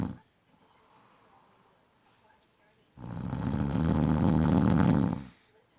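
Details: Adult man who snores in every sleep position, day and night: after a quiet pause, one long, loud, rattling snore lasting over two seconds; heavy snoring.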